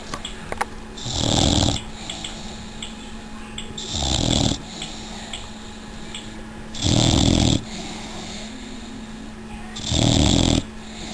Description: 6 month old Old English Bulldog Chica snoring in her sleep